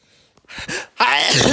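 Quick gasping inhalations build up, then a loud explosive burst of air; a single sneeze.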